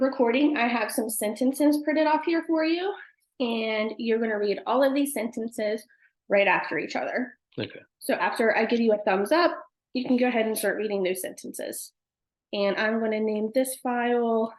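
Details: Adult woman; Normal speech.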